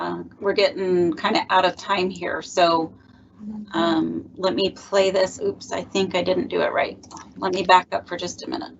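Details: Adult woman; Normal speech.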